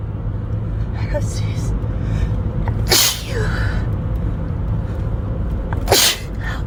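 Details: Two loud, explosive sneezes about three seconds apart from a person driving a car, part of an uncontrollable sneezing fit set off by a tickle in the nose, over steady road and engine rumble.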